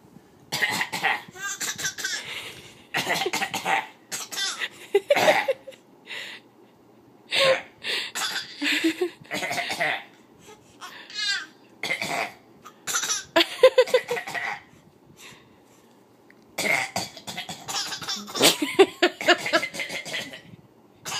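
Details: A young child and father trade short bursts of deliberate, playful voluntary coughing back and forth, mixed with giggles.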